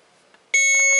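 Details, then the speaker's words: Infusion pump audio test beep: a sudden steady high-pitched electronic tone from a Hospira Alaris PC unit during the preventive maintenance software's speaker test, heard clearly, so the test passes. "That beeping is the next test. It's asking if I can hear that"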